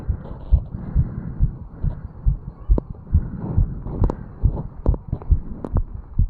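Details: 35-year-old man, heartbeat recorded over the mitral valve area after jogging up stairs, standing still, with some running noise: rapid, regular heartbeat at about 135 beats a minute; normal exercise-related fast heartbeat.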